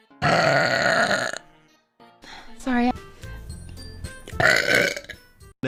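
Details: Girl streamer's burp compilation: two long, loud, rumbling belches with brief talk and music between them; ordinary burping.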